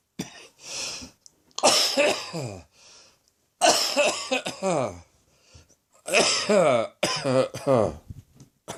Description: Went to see the doctor and turns out it's a throat infection this time rather than a chest infection. I'm still coughing for England though!